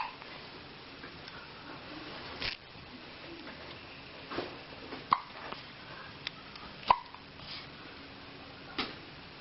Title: baby hiccup (سکسکه بچه).flv